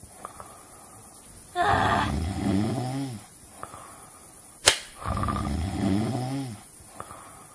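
Two loud, low, rattling snores about three seconds apart, roughly 18 breaths a minute, with a soft click between them: snoring.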